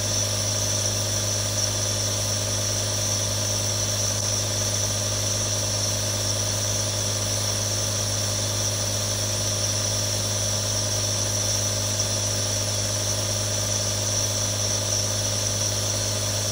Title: ASMR Nebulizer Sound [RELAX NOW WITH THREE NEBULIZERS] 1 HOUR NO ADS | Aerosol Sound